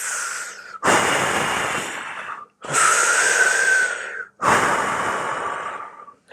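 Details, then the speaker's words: Slow, deep, loud breaths in and out through the mouth, demonstrated as breathing practice before inhaler use: deep mouth breathing demonstration. "ஆழமா உள்ள இழுத்து திருப்பி வெளிய மெதுவா வெளிய விடுறது அப்படிங்கறதுதான் இந்த மூச்சு பிராக்டிஸ் ஃபர்ஸ்ட்"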